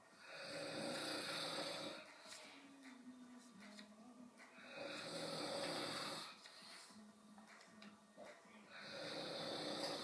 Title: What I'm Selling (Sorry for snoring)